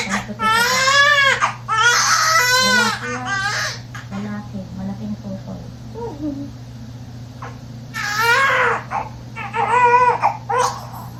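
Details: Loud, strong, rhythmic crying bursts with breath pauses from a newborn just after a fast normal vaginal delivery (mother's second baby), with adult voices and room hum; a vigorous newborn cry.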